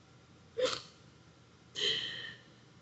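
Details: Woman with Tourette syndrome, with tics occurring during the recording; an abrupt non-speech vocal sound: vocal tic.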